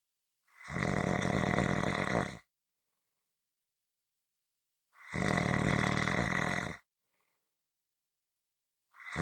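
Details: Loud, rough snores about two seconds long, each followed by a quiet pause, roughly 14 a minute; typical snoring.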